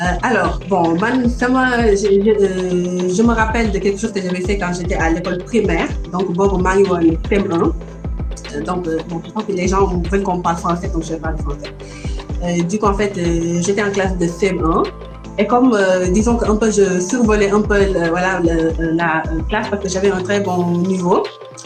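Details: Adult woman who stutters and is working to overcome her stuttering; stuttering.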